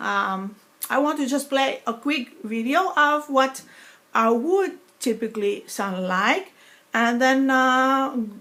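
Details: Woman with foreign accent syndrome after a stroke eight years earlier (2012), speech sounding sometimes Russian or Greek rather than her native New York accent, deficit less evident when speaking faster; foreign accent syndrome.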